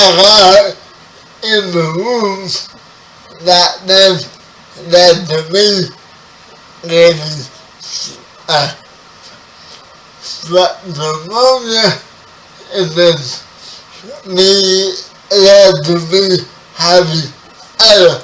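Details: 30-year-old man with spastic quadriplegic cerebral palsy, born 11 weeks premature; his speech is affected by the condition. Dysarthria.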